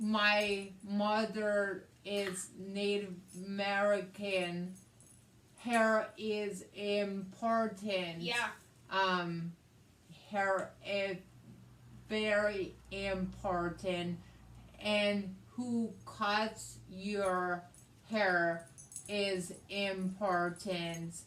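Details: Adult woman with aphasia after a hemorrhagic stroke on May 19th 2020 that needed brain surgery and ICU care and left right-sided hemiparesis; aphasia also affects her reading and writing; aphasia.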